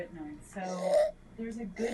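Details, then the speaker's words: Child with stridor from upper airway obstruction, with subcostal retractions: noisy, high-pitched musical breaths. "Now, let's listen to what Strider sounds like. Notice here that the patient is experiencing strider with subcostal retractions."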